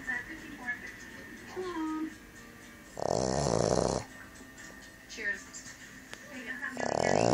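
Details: A Boston terrier/pug mix, a small flat-faced dog, snoring with loud buzzing, rattling bursts, with music and voices in the background.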